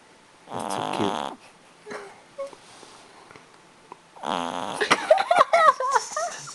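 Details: Two rough, rattling breath sounds from a sleeping male animal, with faint room noise between: snoring.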